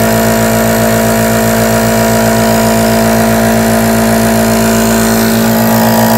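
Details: Steady mechanical motor hum with a fast regular pulsing buzz, the continuous sound of a running nebulizer compressor producing aerosol.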